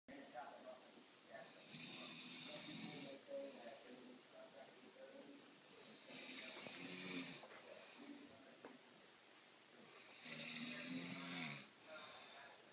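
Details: 19-year-old male with autism in deep sleep; three long, rough inhaled snores about every four seconds with quieter breathing between; ordinary snoring.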